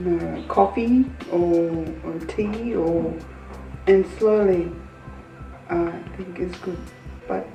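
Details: Person living with aphasia speaking in conversation, with fluent but hard-to-follow speech; aphasia.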